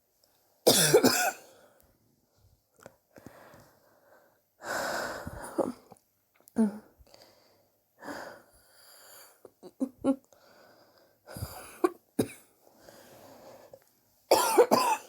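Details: Repeated harsh, chesty coughs in short bursts with wheezy breaths between; persistent cough over recent weeks, self-suspected bronchitis, chest x-ray pending to check for pneumonia.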